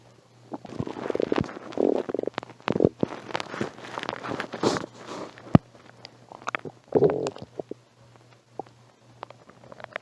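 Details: Stomach growling (borborygmi): bubbling, gurgling rumbles with scattered pops and squelches, loudest early then trailing into quieter clicks, over a low steady hum.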